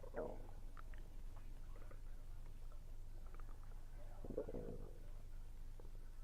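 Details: Stomach rumbling while eating, attributed to low air pressure: quiet gurgles and a couple of rumbles over room hum, with faint chewing; bowel sounds (borborygmi).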